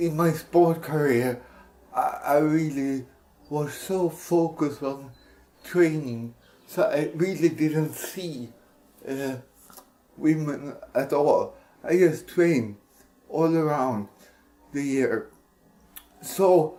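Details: Dysarthria in an adult Swedish man with cerebral palsy, speaking English.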